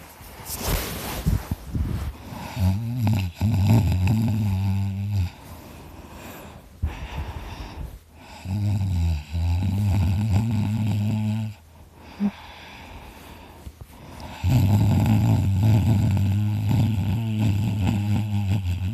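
Loud, rattling, buzzing snores with each breath, long vibrating stretches separated by brief quiet pauses.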